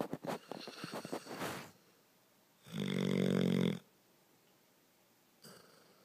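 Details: Snoring from a sleeping bear: a burst of fluttering snorts, then one loud buzzing snore on a breath in, then quiet.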